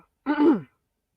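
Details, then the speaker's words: Adult man, congested and still recovering from a virus, gives a single short, voiced throat clear. "excuse me I'm I'm still suffering from rtgb virus y'all so I'm kind of congested so you'll hear me clearing my throat"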